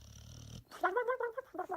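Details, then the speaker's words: Sleeping dog snoring: a brief low rumbling breath gives way to high, squeaky, whistling tones, an unusual cartoon-like snore. "listen to this my dog snores like a cartoon"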